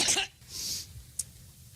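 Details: A single sharp dry cough, then a quick breath in and a faint click, from an adult woman speaking at a rally who attributes it to an allergic reaction; isolated cough.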